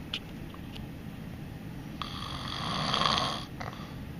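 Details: Single drawn-out, buzzing, slightly whistling snore rising in loudness over a low room hum, from a father who snores every day while sleeping; snoring.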